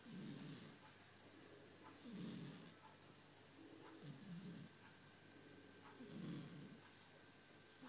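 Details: 9-week-old Shar Pei puppy snoring: soft, low, rumbling snores in a steady rhythm of about 30 a minute over a constant background hiss.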